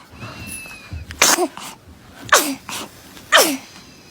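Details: Baby sneezing: three quick, sharp sneezes about a second apart, each a sudden burst of air; repeated sneezing.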